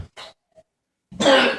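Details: Child (Kasey) with a nasty cough while still staying active: one harsh, forceful cough after a softer throat-clearing sound, with quiet room noise between.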